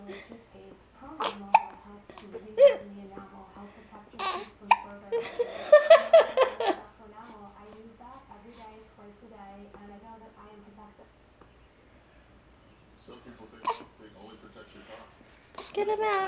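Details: small child hiccuping for some time; short, abrupt catches in the voice repeating at intervals with adult talk nearby, adult remarks too much air in his stomach; hiccups.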